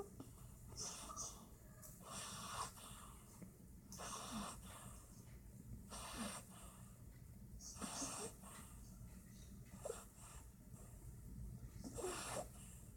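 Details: Cat in a deep nap snoring softly and irregularly, with noisy snort-like breaths about every two seconds, roughly 33 a minute, in a quiet room.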